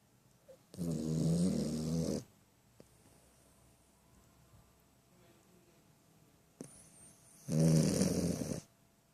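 Two long, low, rattling snores on the in-breath, about six seconds apart, with quiet pauses between; loud snoring.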